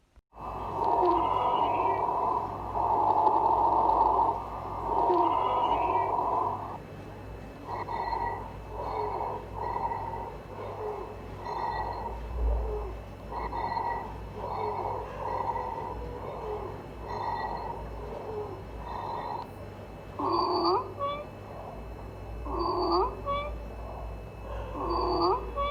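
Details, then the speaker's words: Teaching example of abnormal lung sounds during posterior chest auscultation, following a description of the normal bronchial, bronchovesicular and vesicular sounds; abnormal lung sounds. "Normal lung sounds are bronchial, bronchovesicular, and vesicular. Let us listen for some of the abnormal lung sounds."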